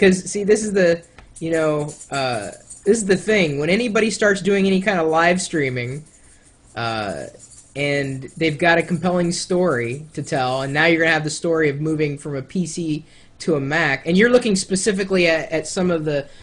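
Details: Adult male speaker; ordinary conversational speech.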